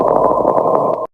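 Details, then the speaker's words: Pleural friction rub on lung auscultation: a rough, leathery grating noise with small repeated scratchy bursts, heard with every breath in and out. "last plural friction rub keyword here is leathery sounding and this will be heard with every breath in and out"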